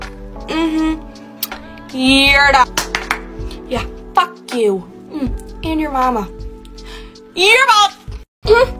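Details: Young woman diagnosed with Tourette syndrome at the Mayo Clinic at age 18, now 19; clip from a compilation tracing her tic progression, with rhyming word-chain and obscene tics and music in the background; Tourette syndrome vocal tics (coprolalia).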